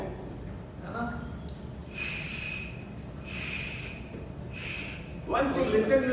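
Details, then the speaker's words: Teaching demonstration of amphoric breath sounds, a type of bronchial breathing: hollow, ringing breathing like blowing across a bottle's mouth, heard over a big lung cavity or an open (patent) bronchopleural fistula. "if you listen empor breing and you can say that yes empor breeding only two causes either there's a big cavity or there's a open"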